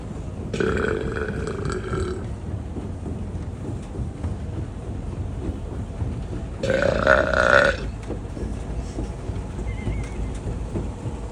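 Two long, loud, drawn-out belches over steady background noise; ordinary burping.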